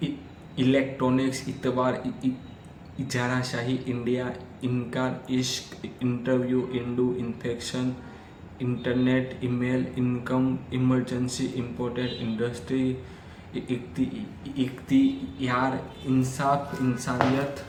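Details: Adult man who stammers, especially on vowel-initial words and fa, pra, ja, na sounds, counting backwards in sets of ten on one breath as daily fluency practice: stuttering (stammering).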